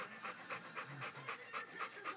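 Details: Dog just after a seizure (has seizures about every six months), still disoriented and coming out of it: rapid, regular panting of about 200 breaths a minute.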